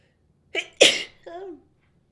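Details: Mocha's sneezing, a quick in-breath then one sharp explosive sneeze with a short voiced trailing sound.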